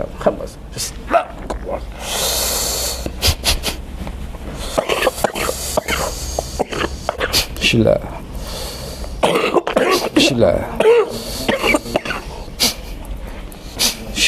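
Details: Person with a cough lasting over a dozen years, attributed to sorcery, during a traditional healing session: repeated harsh coughs, throat clearing and snorting amid chanting and music; chronic cough.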